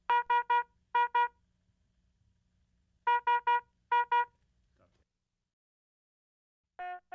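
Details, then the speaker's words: Philips HeartStart MRx monitor/defibrillator high-priority red alarm: rapid bursts of high-pitched electronic beeps warning of a life-threatening condition such as asystole or ventricular fibrillation, cause displayed on red background. "a red alarm warns of a life-threatening condition such as a systole or ventricular fibrillation the cause of the alarm displays here with a red background and sounds like this"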